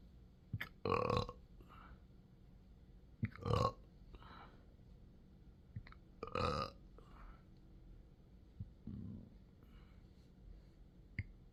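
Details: Adult with rare intractable hiccups, belching, choking spasms and developing achalasia since 2015, in 12-hour episodes: three loud deep burps with smaller gulping sounds between, in a quiet room; repeated belching.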